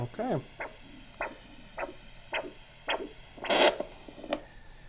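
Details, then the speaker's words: Handheld Doppler with gel at the dorsalis pedis during an ankle-brachial index demo: regular whooshing pulse returns at about 70 per minute as the ankle blood pressure cuff is released, marking ankle pressure; Doppler arterial pulse. "And when we start to hear that uh pulse again, that's the value that we would use for uh the dorsalis pedus aspect of the ABI."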